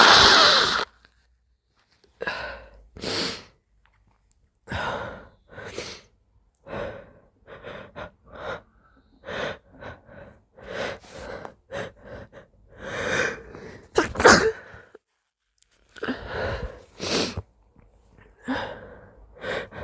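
Repeated catchy inhalations and snorts build up, breaking into a few wet sneezes.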